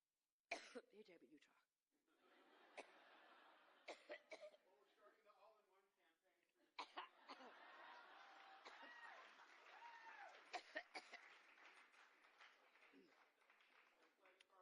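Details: Adult woman speaking at a microphone during a speech in Iowa, repeated sharp coughs breaking up her speech with hall noise between: coughing fit.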